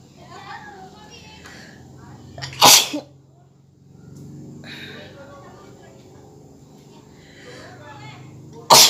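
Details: Two sharp, explosive sneezes several seconds apart after sniffing red chili powder in a sneezing challenge, with quiet breathing and faint room noise between: sneezing.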